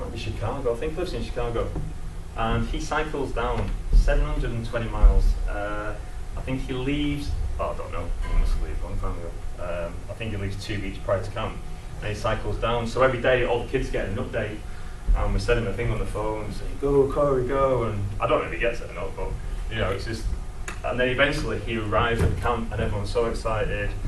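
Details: Stammering in an adult man who describes himself as a person who stammers.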